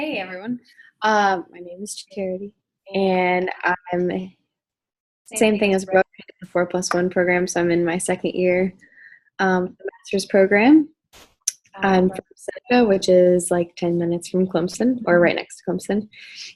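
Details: Adult woman speaking; normal speech.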